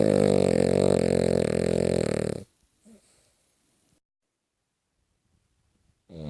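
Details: Extremely loud snoring: one buzzing, rattling snore lasting about two seconds, then quiet.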